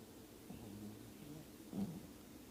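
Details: Soft, low rumbling snores from a sleeping dog, with one louder snort near the end; snoring.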